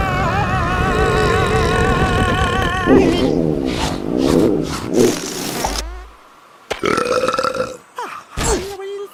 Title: Stomach Growl & Burp Edit (Reupload from Main Channel)